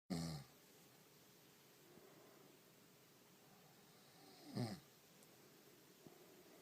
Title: Woman Snoring